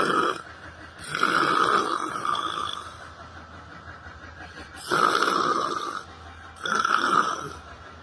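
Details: Person sleeping while sitting on a library bench: loud, rough snoring breaths recurring every couple of seconds, with quiet gaps between them.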